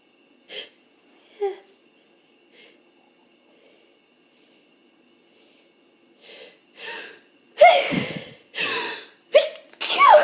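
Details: Person with hay fever, possibly with a cold starting, itchy and tickly nose with false starts and streaming eyes: soft sniffs, then about four loud explosive sneezes in quick succession; sneezing.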